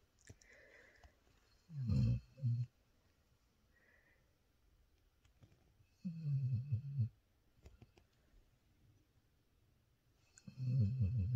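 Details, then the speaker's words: A sleeping female dog, tired after a walk at the lake, snores loudly: rumbling low snores every few seconds with quiet pauses between them; heavy snoring. "Incroyable comme elle ronfle, c'est incroyable. Elle ronfle plus fort que mon chéri."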